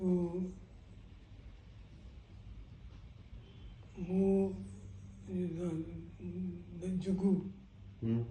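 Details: Man with Parkinson's disease for 10 years, recorded before treatment; his condition is described as very bad, with him unable to speak beyond isolated words: hypokinetic dysarthria.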